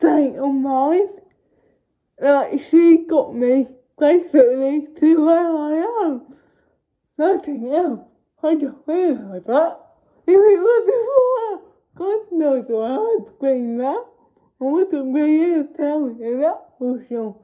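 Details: Young woman with cerebral palsy speaking informally to camera; no speech disorder is named in the source: dysarthric speech in cerebral palsy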